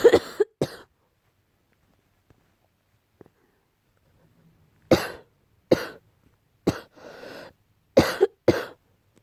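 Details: An adult gives two sharp, harsh coughs, pauses, then about five more with a noisy breath between, attributed to cat allergy; barking cough.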